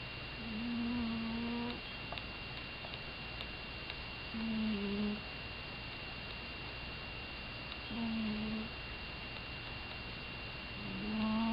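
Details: Snoring sounds.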